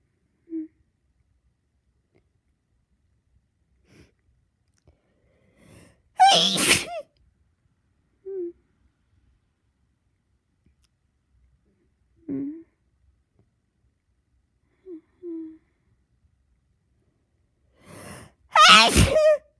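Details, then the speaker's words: An adult, half-asleep after taking sleep medication, tickles their nose: two loud explosive sneezes, each after brief soft inward breaths and small voiced sounds, in a quiet room. "Sneezing. Big sneeze. Big. I keep sneezing."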